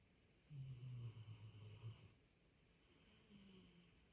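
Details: Snoring at 4 a.m. keeping the listener awake: one low, rumbling snore of about a second and a half, then a softer breath, with a faint high hum in the room.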